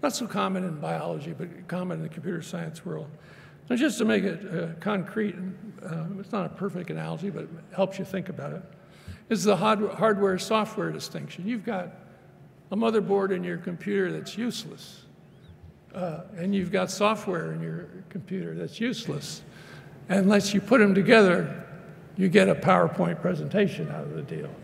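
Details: Adult man lecturing; ordinary speech.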